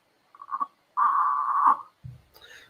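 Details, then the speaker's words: Child with expiratory grunting, cited as a COVID-19 warning sign of breathing difficulty: short voiced grunts, then a longer held grunting sound, which may resemble snoring or singing. "that is the sound of a child grunting. So if the grunting sound is made, that means child is having difficulty breathing."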